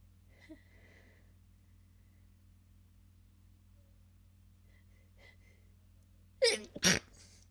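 Two quick, suppressed sneezes close together near the end after a faint earlier breath; stifled sneezing.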